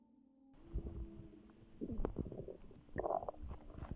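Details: Bowel sounds in a pregnant woman, relaxing before contractions began: brief soft gurgles and rumbles over a faint background hum; ordinary stomach growling.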